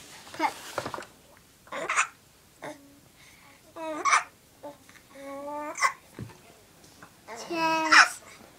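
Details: Young child with hiccups: babbling broken by brief, sharp voiced catches about every two seconds.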